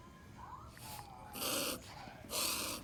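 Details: Dog sneezing: two sharp, hissing nasal bursts, each close to half a second long.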